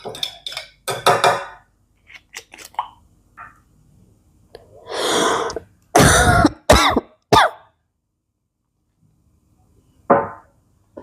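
A young child gives several short, abrupt coughs in separate bursts with quiet gaps and a brief vocal sound between them; a child's cough.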